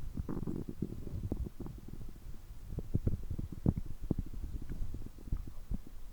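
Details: Stomach growling after overeating, which goes on for over 3 hours: continuous low gurgling and rumbling with frequent bubbling pops from active digestion; borborygmi.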